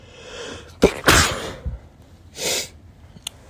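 A quick catching breath, then a forceful sneeze followed by a loud exhale through the nose; sneezing from pollen allergy.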